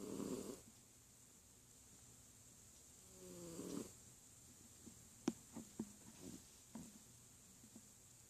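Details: Sleeping cat snoring: soft snoring breaths and small snorts against faint room hiss.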